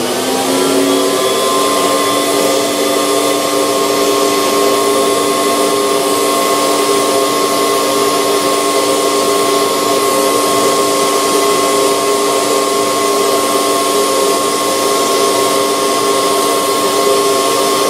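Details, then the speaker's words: Podiatrist smoothing toenails with a nail bur that has a built-in vacuum, part of at-risk foot care for older patients; usually painless. Continuous steady high whine with rushing suction drawing away nail dust. "so when the vacuum turns on what happens is I can get these pretty much smooth as glass"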